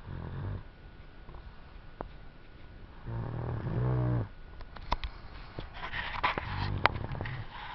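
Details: A 3-year-old girl asleep on a sofa makes short, rattling, buzzing snores on her breaths, with room noise and some clicks; snoring during sleep.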